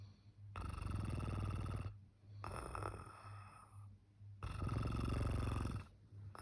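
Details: Person caught snoring loudly on Christmas morning during a road trip in South Africa: loud, rough, low rattling snores, three long breaths in about six seconds, with quieter breathing between them.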